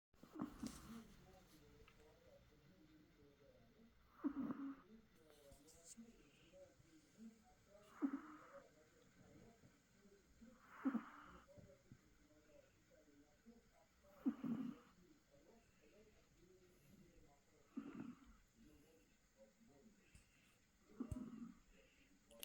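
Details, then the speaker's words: Sleeping Chihuahua during a nap: soft, regular snoring breaths about 16 a minute with a faint whistling edge; quiet room, soft background talk; snoring. "Titi. Titi estaba durmiendo, roncando."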